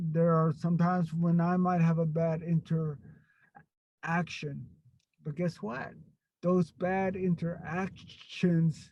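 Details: Stuttering in an adult man who stutters.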